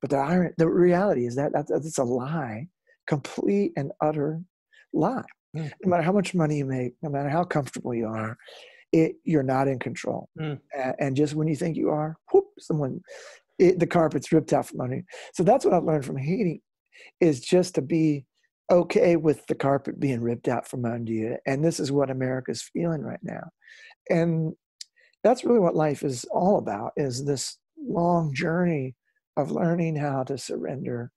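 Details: Adult male former rock lead singer with incurable spasmodic dysphonia, which began at the height of his singing career and was first taken for hoarseness; doctors could not fix it; still affected and audible in his speech; spasmodic dysphonia.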